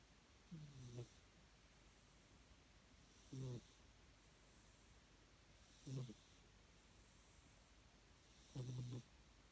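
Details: A cat snoring.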